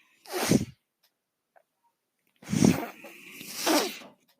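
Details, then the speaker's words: Two breathy whooshing bursts, a faint steady hum beneath the longer one, separated by quiet, from the speaker's own mechanical ventilator while he talks; ventilator air-delivery breath cycles. "That noise you're hearing is my ventilator."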